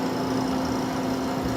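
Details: Caire Companion 5 stationary home oxygen concentrator running: steady mechanical hum with a low constant drone; concentrator running normally.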